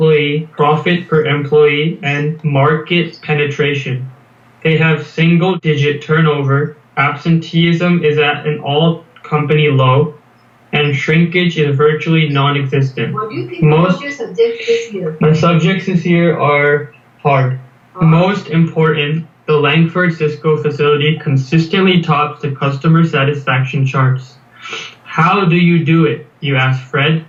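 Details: Stuttering (stammering) in a 19-year-old male US college student reading a passage aloud. He has stammered as long as he remembers, and the problems reportedly began at age 8 after adenoid removal. His blocks occur mostly on m and b sounds.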